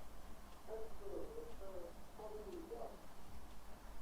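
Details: Adult male patient's connected speech describing the Cookie Theft picture, a particularly extreme example with possible pitch contour irregularities; severely disordered voice.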